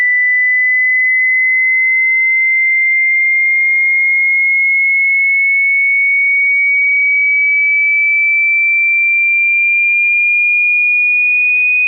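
A single steady pure tone that rises slowly in pitch throughout; a hearing test sweep.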